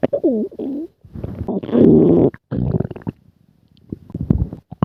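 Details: Gurgling, rumbling and squeaky bubbling noises of varying pitch as gas and fluid move through the gut; stomach growling (borborygmi).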